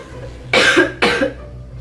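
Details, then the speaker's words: Two harsh, loose coughs in close succession in a quiet room from a woman who has been unwell with a hoarse voice for a week; the cough is part of a staged prank. "Kan dari tadi batuk-batuk, jadinya lemes, pengen tidur."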